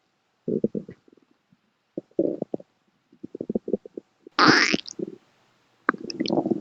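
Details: Bursts of gurgling, bubbling rumbles with a brief squeak-like sweep and pauses from a pet rabbit's stomach, recently discharged from hospital; normal borborygmi.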